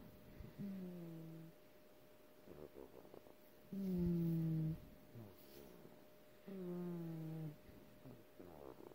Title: Snoring